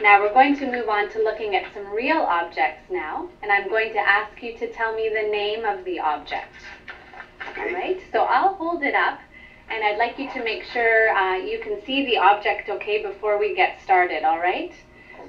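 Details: Adult woman, clinician giving instructions; normal speech.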